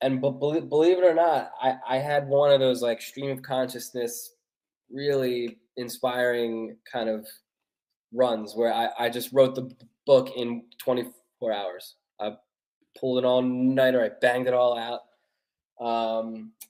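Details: Stuttering in an adult male author who has stuttered since childhood, which he calls a neurological condition made worse mostly by nerves.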